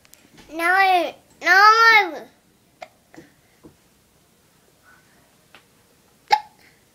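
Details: Young boy, an infant, with hiccups: two drawn-out baby vocalizations, then about five short, sharp hiccup sounds at irregular intervals in a quiet room.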